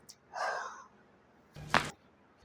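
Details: Patient with 1.5 years of severe back pain radiating from waist to leg, pelvic and lumbar misalignment, during a chiropractic long-axis leg manipulation on exhale: sharp breathy intake then short voiced exhale; gasping.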